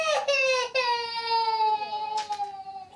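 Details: Young boy crying during an injection at a GP surgery: loud, high-pitched wailing with sobbing catches between breaths.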